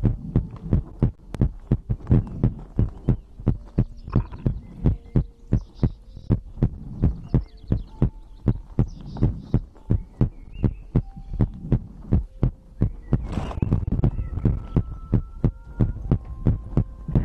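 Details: Own heartbeat recorded for ASMR heartbeat-and-breathing sleep content: steady low heart thumps around 85 a minute with faint tones and rustles behind; a normal heartbeat.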